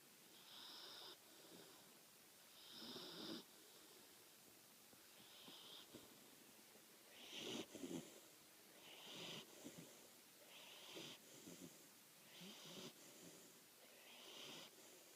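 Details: 13-week-old female Labradoodle puppy asleep, snoring steadily and rhythmically at about 30 breaths a minute, each breath a soft rattling snore; snoring.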